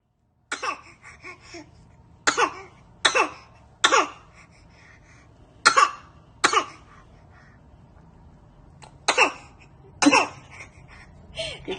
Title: Baby fake cough and smiles 😆😆